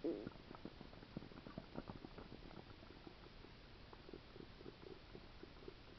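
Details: Stomach sounds attributed to a stomach ulcer: faint, frequent small gurgles and clicks under steady hiss, active bowel sounds.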